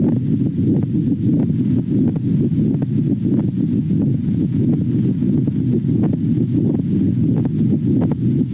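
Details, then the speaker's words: Pericardial friction rub in pericarditis: scratchy, creaking sounds with systole or diastole, present throughout the cardiac cycle and can sometimes resemble a murmur, about 90 beats per minute. "uh consists of creaking or scratching with systole or diastole can sometimes sound similar to a murmur but it is present throughout the cardiac cycle"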